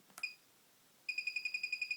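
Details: Single short high beep then a rapid series of about ten beeps as the keypad of a BodyGuard 320 infusion pump is pressed, pump unlocked after starting infusion through a central line.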